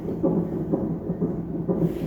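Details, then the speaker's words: Fetal heartbeat on monitor at 33 weeks pregnant, mother in early preterm labour on IV antibiotics and steroids; baby moving, rapid regular whooshing pulses at 140 beats per minute. "you can hear baby's heartbeat in the back um he is moving and he is at 140 beats per minute"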